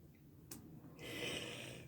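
A soft click, then one brief, hissy, snort-like breath from a sleeper in a quiet room.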